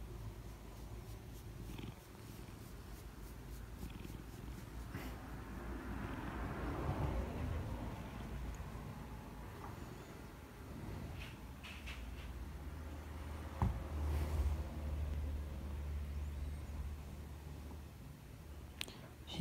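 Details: Steady low rumbling purr from a relaxed cat, with faint room noise; normal contented purring.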